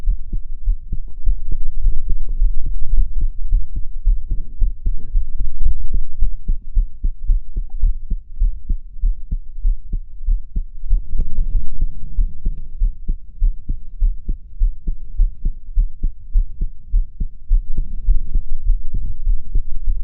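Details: Heartbeat recorded while the person is crying: a rapid, steady, low thumping heartbeat at roughly 100 beats a minute, a fast heart rate.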